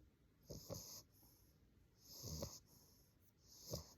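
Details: Sleeping English bulldog puppy snoring: snorting, raspy snores with each breath in, about three in four seconds.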